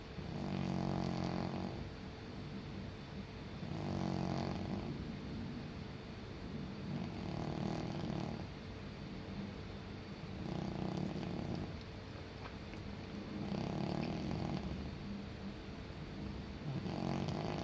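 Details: Senior cat Niti snoring while asleep on a sunny windowsill: regular soft rattling snores, about 20 breaths a minute, over a steady background hum.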